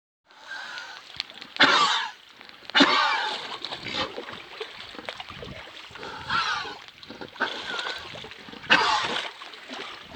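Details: About four harsh cough bursts separated by quieter, somewhat wheezy breathing and faint background noise: a repeated cough.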